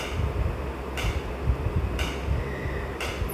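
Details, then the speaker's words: Sharp, regular cracks about once a second over a low mechanical rumble: shock waves from an extracorporeal shock wave lithotripsy machine treating a patient's kidney stone, started at low energy so the patient isn't frightened, before the stone is focused. "अभी shock शुरू हो जाएंगे। आपको आवाज भी आएगी। Shocks की energy zero करके चलाऊंगा 10 पे ताकि पेशेंट डरे ना।"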